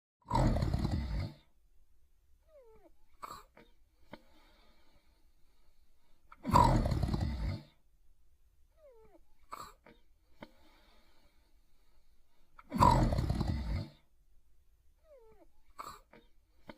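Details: Cartoon character Itchy Itchiford sleeping and snoring in an animated film: loud rasping snores about every 6 seconds, roughly 10 a minute, with small whistles between them.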